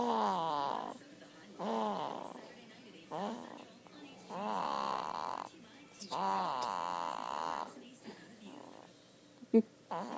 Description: Baby is snoring during a nap